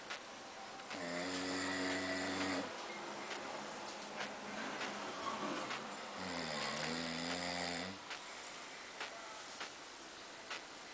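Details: Two long, loud, buzzing snores on the in-breath, about 5 seconds apart, with quiet out-breaths between; an adult snoring in sleep.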